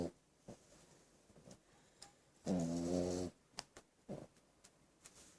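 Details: French Bulldog snoring: loud buzzing snore of nearly a second among snorts and soft clicks, noisy snoring typical of a flat-faced dog; snoring.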